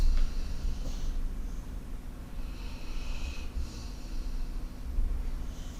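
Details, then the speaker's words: Snoring in the background from two dogs lying on a couch. "If you can hear snoring in the background, it's because I've got two dogs lying on my couch next to me."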